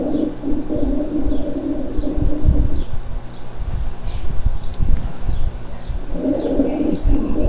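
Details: Cavernous rales (large-bubble gurgling, coarse crackles) on chest auscultation: low bubbling gurgles through the breath cycles, like blowing through a thin straw into water.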